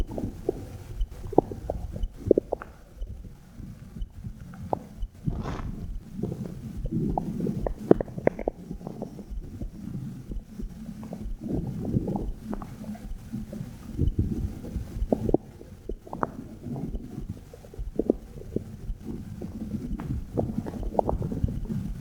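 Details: Low gurgling and rumbling abdominal noises with frequent clicks and bubbling, recorded with a phone microphone placed on the belly button: active bowel sounds.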